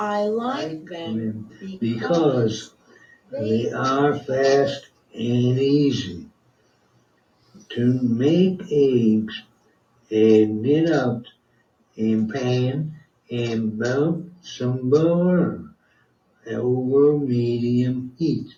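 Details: Adult man with non-fluent Broca's-type aphasia after a left-hemisphere stroke, severe expressive deficits and very limited speech, describing a task during speech entrainment therapy via headphones and audio-visual model, reportedly with major fluency improvement; non-fluent aphasia.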